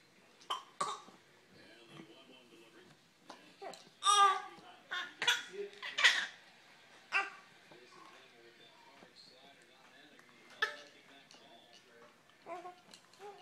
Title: Fake cough or not ??